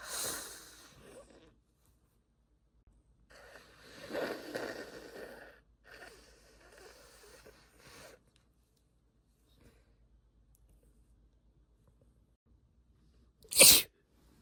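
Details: Stifled sneeze from a recording labelled (F): muffled, hissing bursts of air from a held-in sneeze, ending with a short loud nose blow.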